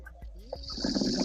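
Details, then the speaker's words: Rough, rattling snore building over a second from a man asleep during a live-streamed call, with faint background music and voices; ordinary snoring during sleep. "Okay, then I'll try to message him and maybe it'll make noise. Yeah, try that. He probably won't hear it over his own snore, though."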